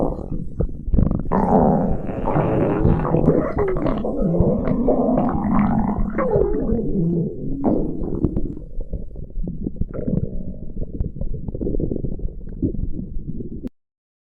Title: stomach growling